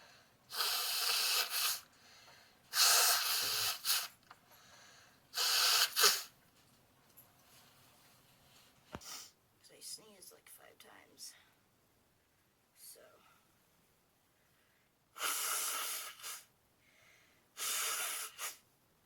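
Repeated forceful hissing nasal blasts, some in quick pairs, with quieter sniffs between; snorting and nose-blowing linked to allergy.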